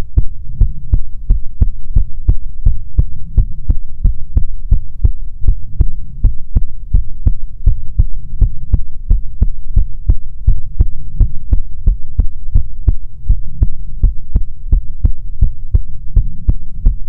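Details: ASMR heartbeat recording: steady, regular, deep thumping heartbeat with a low hum underneath, unbroken throughout; heartbeat.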